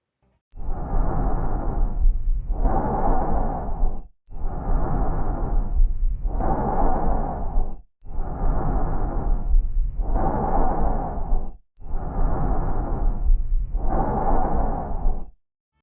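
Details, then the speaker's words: Bronchial breath sound in a lung auscultation demonstration: loud, hollow breath sounds over four cycles, with a pause between inspiration and a full expiratory phase. "agora vocês irão ouvir um exemplo de som brônquico"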